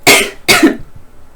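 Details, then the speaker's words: Adult with Tourette syndrome producing a cough tic: two abrupt forceful coughs in quick succession; has many coughing tics that change over time. "um i have a lot of coughing tics which is unpractical now that's grown up and also yell after if i'm if i'm coughing in public"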